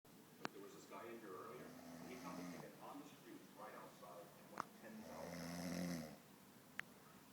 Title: snoring